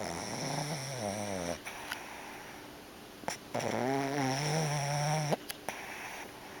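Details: Two long, rattling, buzzing snores over a steady room hum from a sleeping dog, eyes moving as she dreams; snoring.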